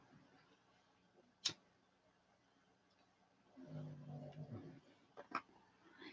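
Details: A dog sleeping under a desk gives one low, rattling snore about a second long, in a quiet room with a few sharp clicks nearby.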